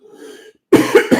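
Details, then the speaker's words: An adult recovering from a pretty bad viral cold gives a short, harsh cough of two or three quick bursts during a live talk. "as I said I do have a I'm recovering from a a pretty bad uh virus cold thing so excuse my voice and occasional"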